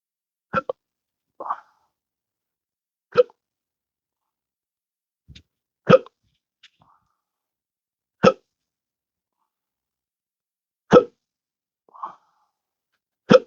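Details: Intractable hiccups since December 2015, after surgery with nerve damage (pudendal nerve injection, phrenic and vagus nerve involvement): sharp, abrupt hiccups recurring irregularly, about a dozen a minute, with softer throat noises between.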